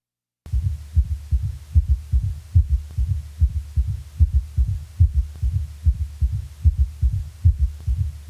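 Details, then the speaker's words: Quadruple rhythm (summation gallop), third and fourth heart sounds both present at normal rate: regular heartbeat near 73 a minute with four soft low sounds per beat. "quadruple rhythm summation gallop when both the third heart sound and a fourth heart sound are present with a normal heart rate 60 to 100 heartbeats per minute the four sound cadence of a quadruple rhythm may be heard"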